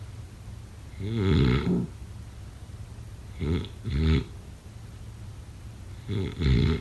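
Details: Snoring during sleep, offered as a sleep sound effect: irregular snorting, grunting snores, some in double bursts, over a steady background hiss; heavy snoring.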